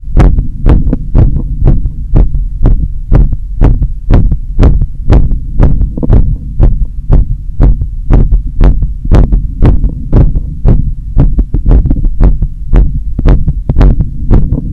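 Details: Heart sounds recorded at the apex after a long run in summer heat, with a strong, visible carotid pulse: fast, regular, strong beats about 120 a minute, a normal post-exercise rhythm.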